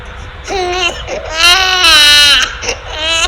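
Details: Human infant cry, part of a study on baby cries; strongly voiced cry in several bursts at a fairly steady pitch, played in listener experiments where pitch is modified to test whether adults can tell boy from girl.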